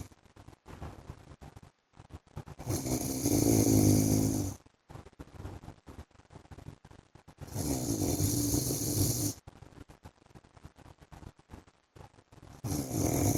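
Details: An adult man snoring during sleep, with loud rumbling snores on each breath in, about every five seconds, and quieter breathing noise between them; ordinary snoring.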